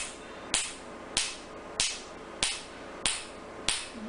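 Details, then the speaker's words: Q-switched Nd:YAG laser tattoo removal (R20 technique, third sitting, no anesthesia, patient lying comfortably with protective glasses): sharp, regular snapping clicks about 95 a minute from the laser pulses. "We are doing NDI Q-switch laser for tattoo removal for this patient."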